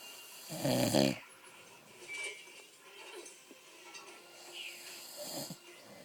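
One loud, rattling snore on an in-breath, then quiet breathing with faint room noise; snoring.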